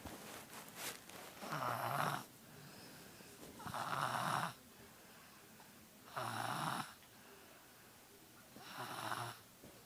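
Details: Female snoring heavily because she has a cold: rough, rattling snores on each breath in, about 26 a minute, with quiet breaths out; snoring.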